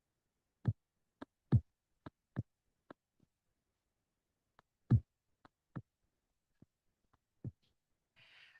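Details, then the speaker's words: Low heart thumps in groups of three, with a soft extra sound just before S1: a fourth heart sound (S4 gallop), always abnormal, from blood entering a stiff, thick ventricle; a teaching example. "S4 is always abnormal. It's quite rare and it's usually because the ventricle is very thick and when there is a drop in that u blood into the ventricle it hits a very stiff thick ventricle"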